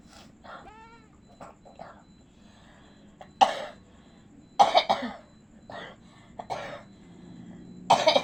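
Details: Simulated cough: an adult acting as a sick pocong ghost who can't travel home for the holiday gives several loud, harsh cough bursts mixed with throat clearing.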